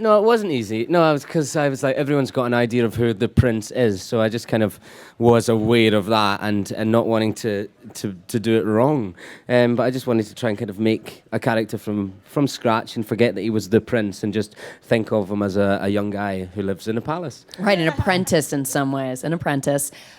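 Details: Adult man speaking; Normal adult male voice.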